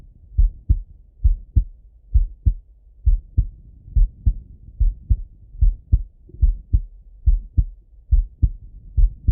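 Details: Male heart auscultated with a stethoscope, recorded either sitting at a desk or lying in bed: regular lub-dub at about 71 beats a minute, two crisp sounds per beat; normal heart sounds.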